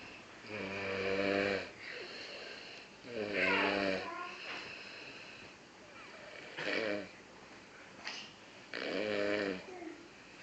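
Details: A woman snoring very loudly, with rattling, throaty snores on the in-breath, about four in ten seconds, and quieter breaths between.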